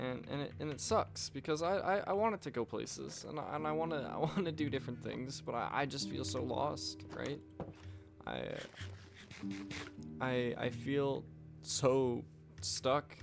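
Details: Adult man with self-reported stuttering: frequent word and part-word repetitions, especially on "I", and repeating the same phrases over and over.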